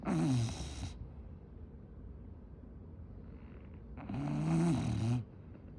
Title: Relax with Coco’s snoring #bulldog #englishbulldog #britishbulldog #cuteanimals #dogbreed #fypシ